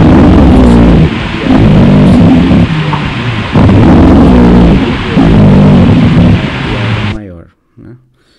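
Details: Loud, low-pitched rumbling breath sounds in repeated cycles from secretions in the larger airways; rhonchi.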